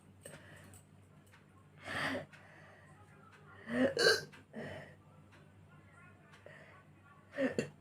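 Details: Four abrupt, sharp vocal hiccup sounds spaced irregularly over several seconds, with faint room noise, recorded during a hiccup/burp challenge presented as natural hiccups. Hiccups.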